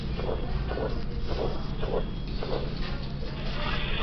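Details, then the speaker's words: Harsh heart murmur: rough, grating bursts with each heartbeat over a steady low hum. High and low pitches are produced together by a large pressure gradient and a large volume of flow. "This will create a subjectively serious sounding murmur, which is frequently termed harsh."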